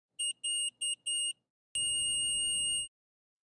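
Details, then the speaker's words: Omnipod DASH insulin pump, pod and PDM alarm: four quick high-pitched electronic beeps, a pause, then a steady continuous tone, signalling that the user's attention or action is needed. "Le système Omnipod Dash peut vous alerter de plusieurs façons si votre attention ou une action de votre part est nécessaire. Le pod et le PDM attirent votre attention en émettant des bips ou une tonalité continue."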